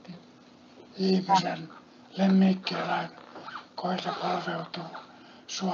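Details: Adult speaker; Breathy, rough dysphonia from unilateral vocal fold paralysis.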